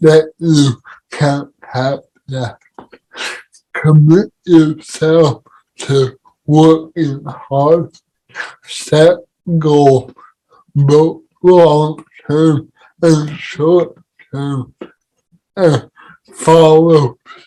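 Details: Adult man with cerebral palsy; dysarthric speech.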